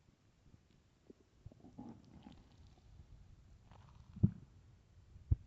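A low, drawn-out rumbling gurgle with a couple of sharper pops, heard as a loud stomach growl.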